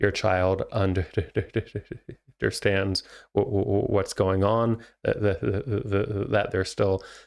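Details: Stuttering in an adult male, a licensed speech therapist who says he stutters himself, speaking naturally.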